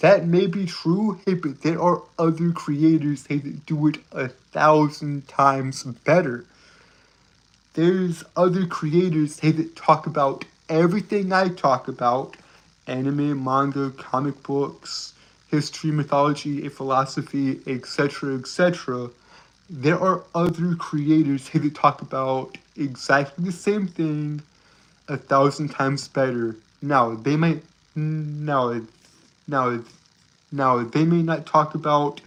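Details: Stuttering; male speaker reports a speech impediment causing him to stutter and trip over his words.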